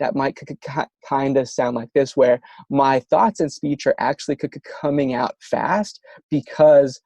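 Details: Adult male demonstrating light bounces: a lighter, briefer, deliberate stutter used in stuttering modification therapy to avoid long, hard blocks.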